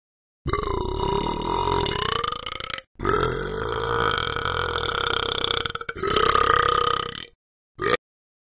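Three long, drawn-out voiced belches followed by one brief burp; loud, deliberate-sounding burping.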